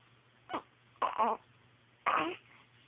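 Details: Hiccups in a baby: three short, abrupt voiced catches about a second apart, each a sudden gulp with a brief vocal sound.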